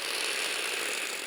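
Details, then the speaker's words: Breezhaler dry-powder inhaler, standing upright, quick deep inhalation through mouthpiece: steady fast rattling whir of the capsule spinning, showing the powder is being inhaled properly; inhaler capsule rattle during inhalation. "As you inhale the powder, a distinctive rolling noise will be audible. If this sound is absent, gently tap the device against the table to adjust the capsule's position and try inhaling again."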